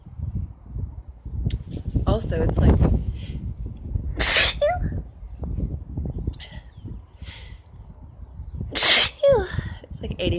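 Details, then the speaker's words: Sneezing fit, with irritated tears, after painting in a bathroom: three forceful sneezes, each with a sharp burst and voiced tail, amid outdoor noise and brief talk. "I just been painting in the bathroom and it's finally gotten to me I feel like a"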